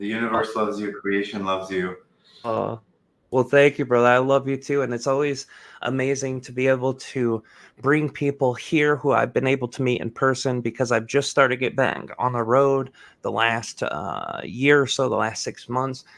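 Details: Adult man speaking; normal speech.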